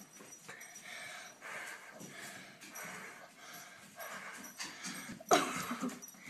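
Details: Repeated forceful blowing breaths from a child asked to blow repetitively for over two minutes, a hyperventilation (blow) test used to provoke absence seizures seen on EEG.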